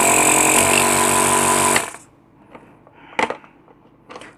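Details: Compressor nebulizer tested at home after a fuse was repaired: a loud, steady buzzing motor hum that stops abruptly, followed by handling clicks; compressor nebulizer motor running.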